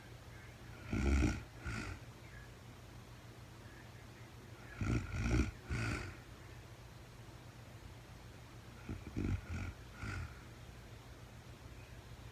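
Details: Real-time recording of a woman sleeping, very tired, no talking: three clusters of snorting snores separated by quiet breathing, about one breath every four seconds, over a steady low hum; snoring during sleep.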